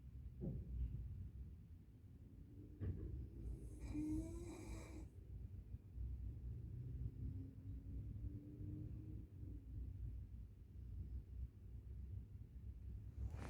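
Low, soft snoring breaths with a faint whistling tone on some breaths, over steady low rumble.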